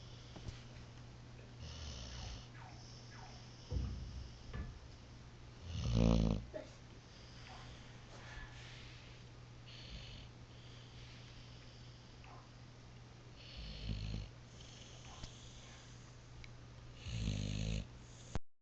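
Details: Dog asleep on a couch snoring: loud, rough snores with low rattling recur every few seconds over a steady low room hum.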